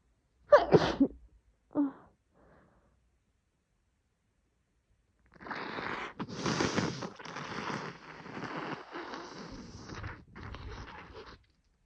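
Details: Woman sneezing: two messy, wet, forceful sneezes with a faint follow-up, then a long noisy nose blow; sneezing.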